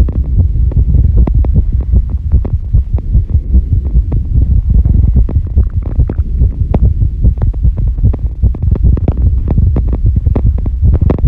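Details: Female heartbeat recorded after squats, during recovery: a fast, strong heartbeat of around 150 per minute over a low steady hum, a normal rapid rate after exertion.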